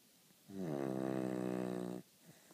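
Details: A single sustained, buzzing snore lasting about a second and a half on one breath in a quiet room; snoring.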